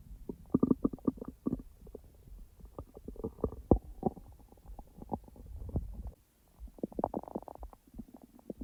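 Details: Person's own stomach sounds, recorded and edited rather than in real time: frequent gurgles, pops and bubbling rumbles with a brief pause; normal active bowel sounds (borborygmi).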